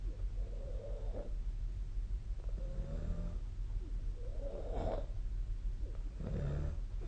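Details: Ongoing snoring during sleep recorded with the SnoreLab app: repeated rough, rumbling snores with each breath over low background hum.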